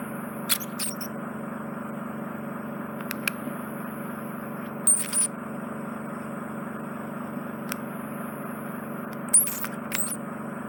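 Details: Ear wax suction with a Zoellner probe and Jobson Horne on an adult male, left ear occluded and right semi-occluded: steady low suction hum with sharp crackling and scraping bursts as wax is drawn in.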